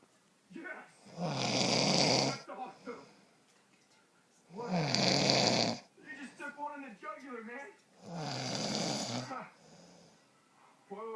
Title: My dad snoring